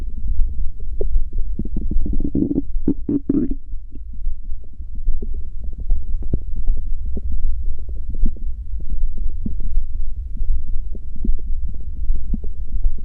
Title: Stomach growl. Gururururu... The sound won’t stop.